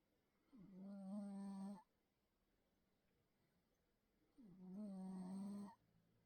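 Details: Two long, loud, droning, trumpeting snores about four seconds apart, each rising then holding steady, from a sleeping Bengal cat, likened to a baby elephant; snoring.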